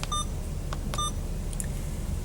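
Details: Two short electronic beeps with faint key-press clicks over low room hum; keypad confirmation tones while programming a syringe pump for a paediatric ceftriaxone infusion, patient weight 17.5 kg.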